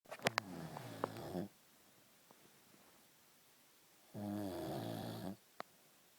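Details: Sleeping person: two loud, buzzing, rattling snores about three seconds apart with quiet pauses between, in a small room; snoring.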